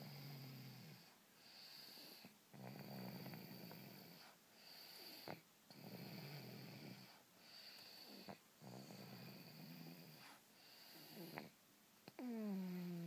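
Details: Snoring: rhythmic rattling snores, about one every two seconds, over a steady background hum.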